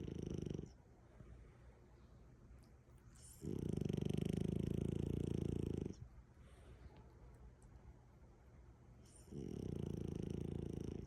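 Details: Sleeping French bulldog snoring with long, loud, low rumbling snores about every six seconds; ordinary snoring, eyes reportedly open while asleep.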